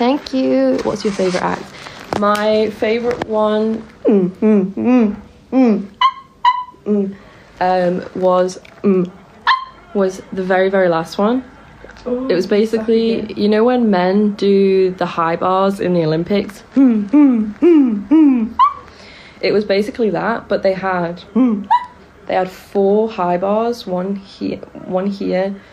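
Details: Person with Tourette syndrome who makes tic noises while awake and twitches and grinds her teeth in sleep, during a live stream; vocal tics (Tourette syndrome).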